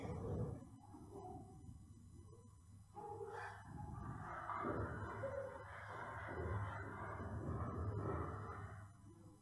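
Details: Brachycephalic dog with obstructive airway syndrome, BOAS functional grade 2: loud, rough snorting stertor runs through most of the clip, with a faint low buzz behind it.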